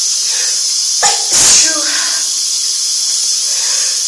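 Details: A sharp intake of breath, then one forceful explosive sneeze over steady rushing shower water; sneezing fit from a cold, taken in the shower.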